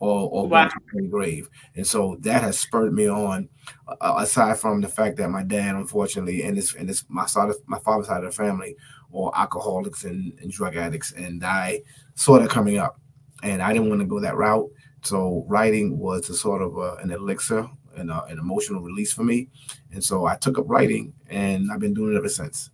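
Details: Adult man with a stuttering problem that he says is still heard as he speaks now; in the past he also talked really fast; stuttering.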